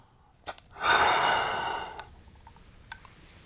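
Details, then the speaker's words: Asthma metered-dose inhaler demonstration: exhale, then a brief puff click on pressing the canister followed by a long steady breath in through the mouth and a faint click, held to let the medication act. "So what you want to do with this is exhale, depress this, and then take a breath in"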